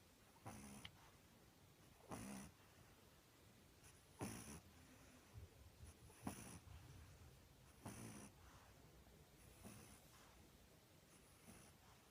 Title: Pug puppy snoring